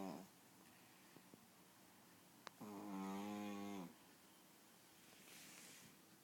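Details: Pug snoring: a single loud, low buzzing snore on an in-breath against quiet room noise.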